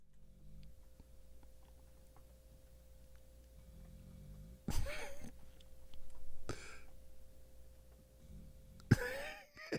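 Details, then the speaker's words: Large sleeping dog snoring: low rumbling snores every few seconds with a few louder snorts, over a steady background hum in a small room. "You hear the dog snoring like that? I don't know. That's the big boy. Hey, Crip, you can hear him. You can hear him. You can hear Louis. Yeah, that joker snoring up a storm."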